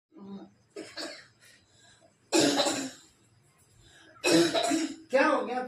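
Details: Adult gives a few soft throat sounds, then three loud, harsh cough bursts, acted in a comedy sketch about cold, cough and fever; staged cough.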